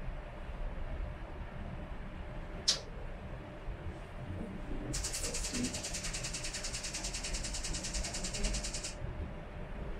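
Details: First full transcranial magnetic stimulation session for treatment-resistant depression, during threshold setting with treatment at 120% of the measured level: a single sharp click, then a rapid train of coil clicking pulses lasting about four seconds.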